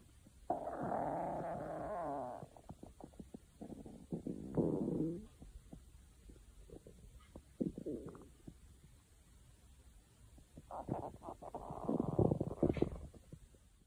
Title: stomach growling